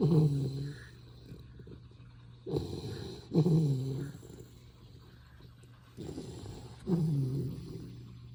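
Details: Low rumbling snores, about 18 a minute, from a sleeping baby Retriever puppy adopted three days earlier, in a quiet room; ordinary puppy snoring.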